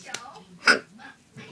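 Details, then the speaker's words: Child counting aloud to ten with hiccups; a single sharp, abrupt voiced catch interrupts the speech around "six": a hiccup. "six you got the hiccups great what's this by seven"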